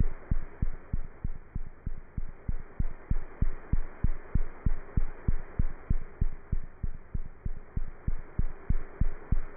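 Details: Normal cat heart sounds through a stethoscope: rapid, very regular beats at about 190 a minute over a steady hum.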